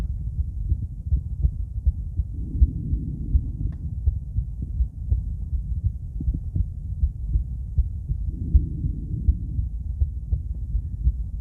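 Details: Normal heart sounds of a female, auscultated with various stethoscopes at Erb's point, mitral, tricuspid, aortic and pulmonic areas: regular soft lub-dub about 80 a minute, no added sounds.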